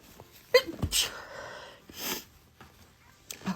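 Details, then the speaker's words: An adult with the snatiation reflex, who sneezes when full after eating since weight-loss surgery about five years ago: a sharp sneeze with a quick intake and forceful burst, then a second breathy expulsion, in a small room. "I had a weight loss surgery 5 years ago or so. And since then, when I eat and when I'm full, I sneeze. It drives me nuts."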